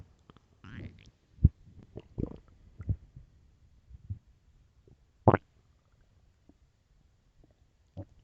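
Irregular low gurgles and rumbling bursts with a few louder pops, then quiet; loud normal stomach growling.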